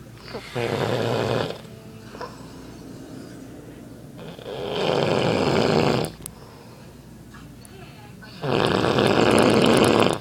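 Three loud, long, rough snores with quiet pauses between them, about six breaths a minute: heavy snoring during sleep.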